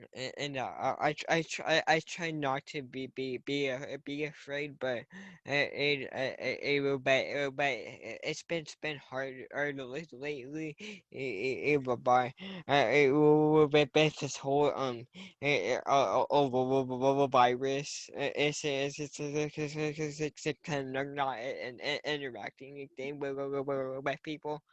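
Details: Young person who stutters, speaking at a convention for young people who stutter for the first time, with broken, repeated words; stuttering.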